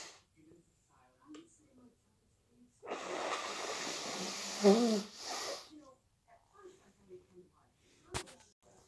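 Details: Long, noisy nasal blast like nose blowing with a few faint sniffs in a quiet room, from stuffy head cold sneezing and blowing; sneeze.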